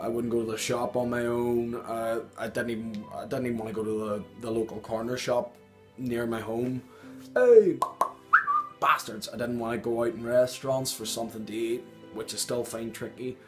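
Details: Adult man with Tourette syndrome, with involuntary vocal tics, involuntary swearing and loud noises he cannot control, interrupting his speech. The finding is vocal tics with coprolalia.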